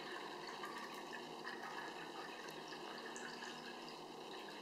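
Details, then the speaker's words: Water trickling and splashing as about three cups of distilled water are poured into the reservoir of a vintage 1930s Pelton & Crane FL2 autoclave sterilizer, with faint room noise. "first we're going to take our distilled water we have about three cups i'm going to put this into the reservoir pour it into the reservoir"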